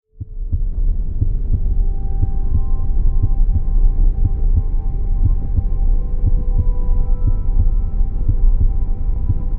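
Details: Steady, regular low heartbeat thumps at about 90 a minute under a soft continuous humming drone; heartbeat sounds for relaxation.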